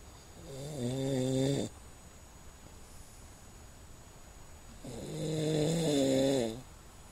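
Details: Loud snoring during sleep: two buzzing snores on in-breaths about four seconds apart, with quiet exhalations between them, in a regular rhythm.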